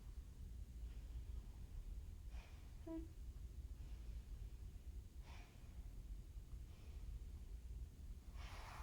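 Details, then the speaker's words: Normal clear breath sounds auscultated over the anterior chest of a woman during a head-to-toe assessment, breathing in and out, no forced inspiration or expiration, no crackles or wheezes; soft, faint breath sounds over low stethoscope rumble. "So clear lung sounds in the um anterior side. Um so she's not struggling to breathe again. No um force inspiration or expiration there."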